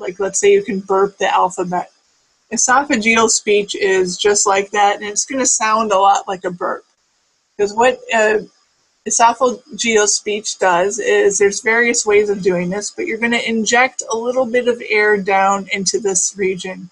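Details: Adult speaker, lecture-style monologue; normal speech.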